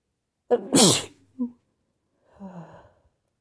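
A short gasping build-up, then one sharp sneeze, a small after-sound and a soft sigh; a single induced sneeze.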